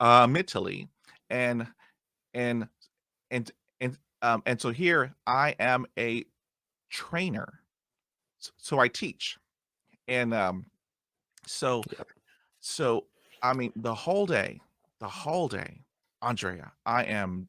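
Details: Adult who stutters, with 20 years of speech therapy and still getting hung up on words; stuttering.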